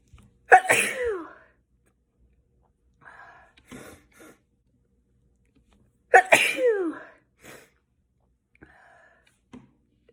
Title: 5 sneezes